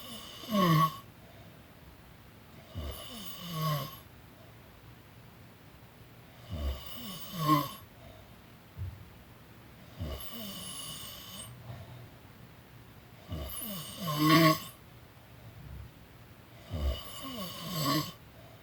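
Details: Person snoring during a daytime nap: slow, rough, rattling snores with each breath, about nine a minute, in a quiet room; ordinary snoring.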